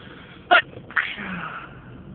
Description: Hello!!! This is my new video....a variety of induced sneezes loud an stifled..enjoy